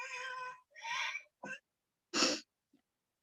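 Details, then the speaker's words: Paediatric emergency patient with laryngitis (upper airway inflammation), coughing, neck hyperextended, with chest retractions: harsh, high-pitched noisy breaths with gaps, some wheezy, typical laryngeal inspiratory stridor. "una laringitis es la inflamación de la vía aérea superior y ese sonido es el típico estridor laringe o con la que llegan los pacientes a la urgencia y que es muy característico"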